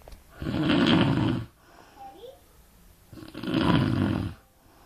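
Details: Sleeping dog gives two long, loud, rattling snores about three seconds apart, with quiet breathing between them; ordinary snoring.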